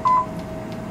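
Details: A single short electronic beep with a low room hum: the emission beep of a Class IV therapy laser, held in skin contact and moved in circles over the elbow to treat lateral epicondylitis.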